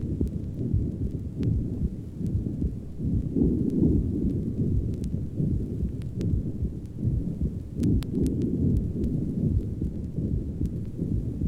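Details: Apical murmur of rheumatic mitral valve disease (regurgitation).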